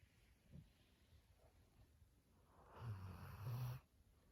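A single low, buzzing, rumbling snore on the in-breath after quiet breathing, consistent with snoring.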